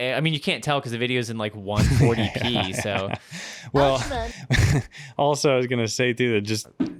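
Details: Adult male speaker; normal speech.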